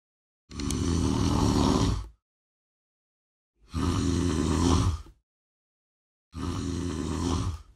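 Three loud, rattling snores separated by silent pauses, typical of heavy snoring during sleep.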